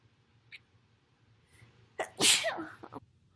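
A single loud sneeze, with a brief intake of breath and then a sharp explosive burst of air; faint room noise.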